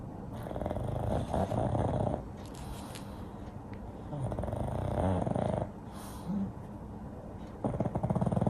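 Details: Loud rumbling, snorting snores with a low grunt from a pug asleep in a full nap, twitching and apparently dreaming; dog snoring.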